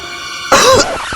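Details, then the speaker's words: Simulated cough in an adult actor in a flu-and-cough medicine advertisement: a single short acted cough over steady background music. "Mau latihan gak enak badan? Cakep. Hisip. Beneran flu dan batuk nih."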